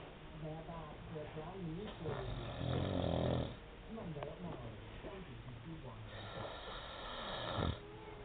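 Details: Husband asleep on a sofa: a loud, low, rough snore rises out of background talk, with quieter snoring breaths around it; ordinary snoring.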